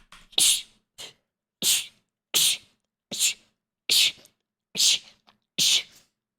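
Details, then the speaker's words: A female streamer has a rapid run of about eight sharp, hissing sneezes in quick succession. She attributes the repeated sneezing to an allergy she cannot explain. "No entiendo, no entiendo por qué. No entiendo por qué me está dando tanto así alergia. Ay, o sea, ya van muchas veces que estornudo, ¿no?"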